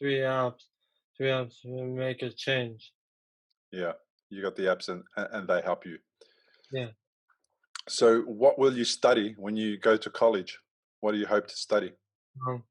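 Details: Young man, three years after a stroke at age 15 from a ruptured arteriovenous malformation that caused a coma; trouble getting words out, not understanding: aphasia.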